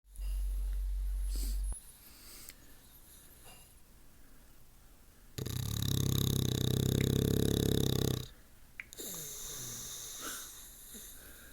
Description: Violet the Bulldog SNORING like an old man